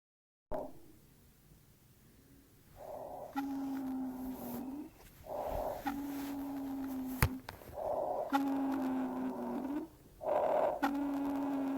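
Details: Stethoscope auscultation in bronchial asthma: whistling wheezing.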